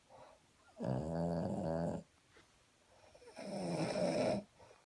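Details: Person and a Boston Terrier trading snores: two long, loud, rattling snores a few seconds apart with quiet breathing between; snoring.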